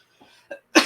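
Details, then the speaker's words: Cough from an adult with bad sinus issues and a current sinus infection, during an interview: two faint throaty bursts, then one sharp loud cough. "excuse me I'm sorry guys out there I'm going to be coughing and sneezing away it's okay I get I I have bad sinus issues and I'm just been dealing with one for a sinus infection"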